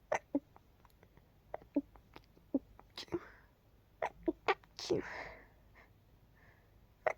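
Several soft, suppressed sneezes, brief muffled bursts with quiet breaths between them; stifled sneezing.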